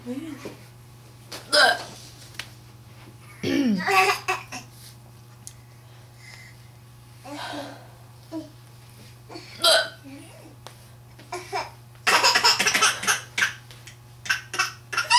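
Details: Several abrupt sharp hiccups at irregular intervals, while someone laughs at them, with a low background hum; hiccups.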